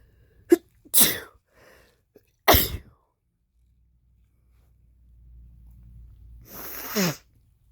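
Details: Male coming down with a cold: several sharp, explosive sneezes with quiet pauses, some preceded by a short intake of breath; sneezing.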